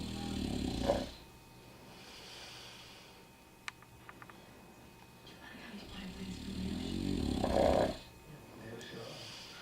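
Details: Two deep, rattling snores about seven seconds apart, with quiet breathing between; ordinary snoring in sleep.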